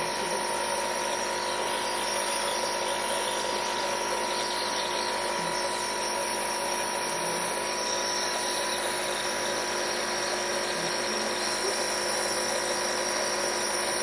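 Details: Nebulizer compressor running during treatment of an asthma attack: a steady, continuous motor hum and hiss throughout as the medication is delivered.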